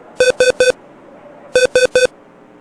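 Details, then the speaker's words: Acted hospital scenario in which the patient's EKG reads 300 and no one responds; two bursts of three quick, loud, identical beeps from a bedside cardiac monitor alarm. "This is supposed to be continuing to make the noise, but it's a little soft. Would you like me to silence this alarm?"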